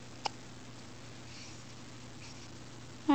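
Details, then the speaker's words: Baby boy with frequent hiccups after feeding, also common in the womb; in a quiet room a brief, sharp hiccup, then the onset of a louder one while sleepy. "Got the hiccups again. There's those eyes. Got the hiccups, buddy."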